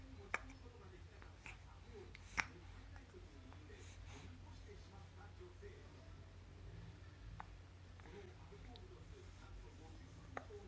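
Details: Three-month-old baby gives soft, brief hiccup clicks at irregular intervals, about four or five in ten seconds, over a steady low hum; parent feels hiccups are less frequent than in the newborn period; infant hiccups.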